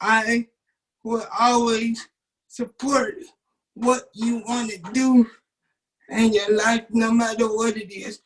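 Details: 27-year-old man with cerebral palsy since birth, wheelchair user, whose muscles do not work like others'; doctors told his family he would never talk; dysarthric speech in cerebral palsy.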